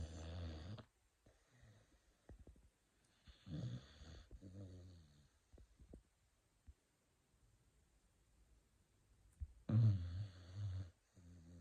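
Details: Snoring from a sleeping beagle.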